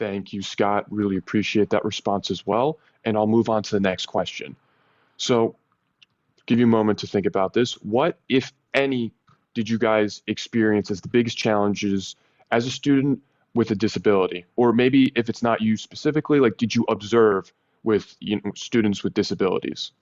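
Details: Adult speaker; typical speech.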